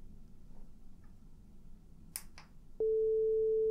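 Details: Simulated hearing test in an ASMR audiologist role-play, during high/low frequency testing in which the listener raises a hand or says yes on hearing a tone: a few soft taps, then a steady pure test tone.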